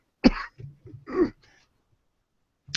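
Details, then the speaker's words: Adult man with a croaky voice who says he keeps coughing from time to time gives two short, rough, throaty coughs, then falls quiet; cough. "forgive me folks I'm still struggling as you can you can hear my voice here is quite croaky and i keep coughing from time to time"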